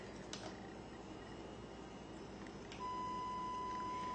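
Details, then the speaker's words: Audiometer pure-tone beep set to the right ear: faint room noise, then a steady pure tone starts only while the interrupter switch is pressed. "what it means is when you push the interrupter switch you get the beep"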